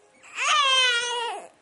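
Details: Infant crying during tummy time; he refuses to practice crawling on his tummy. A single loud, high-pitched wail rising then falling over about a second.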